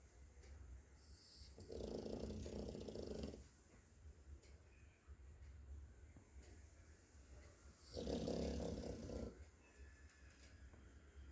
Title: Cute Pug Snoring